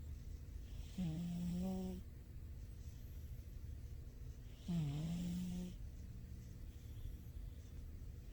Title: my cat snoring! turn up the volume! #cat #funnycats #silly #cat #cats #sleeping